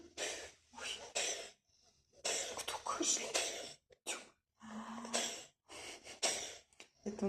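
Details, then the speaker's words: Cat coughing after drinking too much water that went up its nose, a recurring episode per owner: run of short, harsh, hissing coughing bursts with brief pauses; cough. "у нас всегда происходит, когда Жуля слишком много воды пьет, и она в нос попадает."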